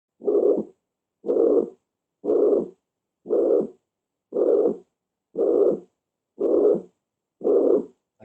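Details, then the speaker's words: Systolic murmur of mitral regurgitation, heard at the mitral area, fifth intercostal space, left midclavicular line. "por eso este soplo es histórico para por la insuficiencia mitral"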